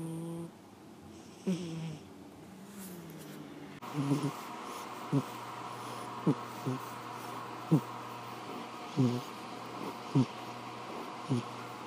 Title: panda snores